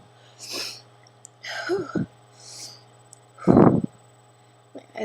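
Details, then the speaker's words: Person with allergies, eyes burning and itchy, keeps sneezing: a few breathy build-up sniffs and near-sneezes, then one loud forceful sneeze in a quiet room. "So I keep sneezing. It's ridiculous."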